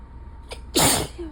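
A short in-breath followed by one sharp, explosive sneeze.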